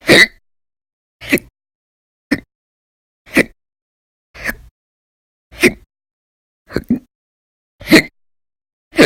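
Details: Nine sharp, abrupt gulping hiccups about one second apart, near 57 a minute, in a quiet room; an audio-only recording from a series of daily violent, loud hiccup episodes lasting about 10–13 hours each during December 2019.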